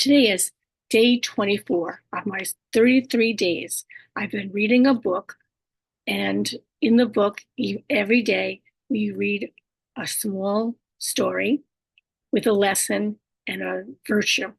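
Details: Adult woman with speech disorders after a stroke, whose communication can sometimes be hard to understand: aphasia, apraxia of speech and dysarthria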